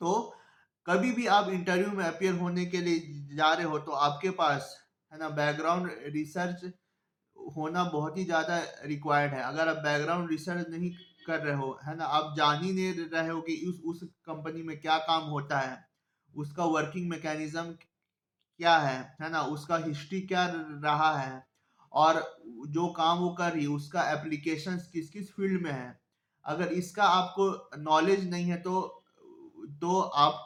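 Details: Adult man who self-identifies as a person who stammers, speaking Hindi; stuttering.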